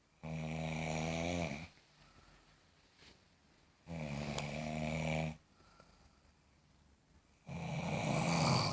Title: Snoring frenzy